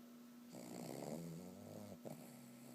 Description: I caught my dog snoring while sleeping lol.